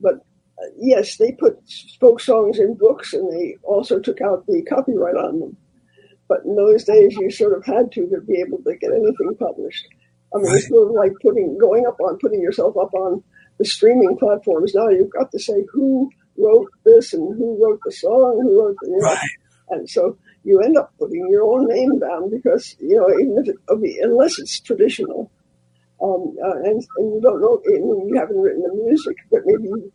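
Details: Dysphonia in a man after recent loss of a vocal cord, which was not caused by the polio he had in 1948.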